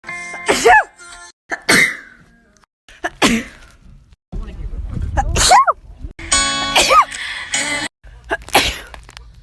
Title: Sneezing compilation